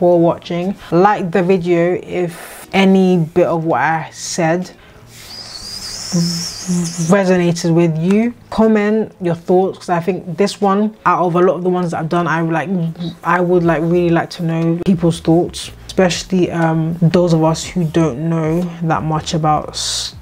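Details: 26-year-old woman with a lifelong stammer that has come and gone, at times severe, previously treated with speech therapy, more prominent here because she is tired after poor sleep; stuttering (stammering).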